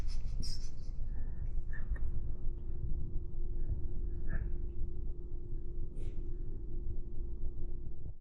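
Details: Black cat with a runny nose: continuous low, rough, snuffly breathing with occasional snorts, consistent with congested nasal breathing.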